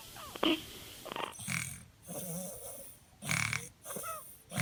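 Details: A sleeping baby girl snoring softly.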